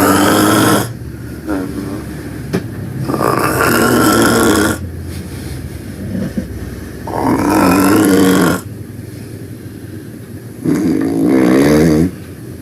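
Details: Loud snoring while taking a nap: rough, rattling snores with a voiced groaning quality, about three over twelve seconds, separated by quieter breathing.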